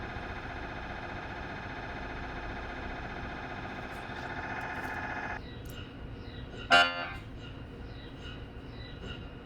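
Steady loud electronic buzzing drone that stops abruptly, then a sharp knock over quieter room hum; typical MRI scanner noise during a scan.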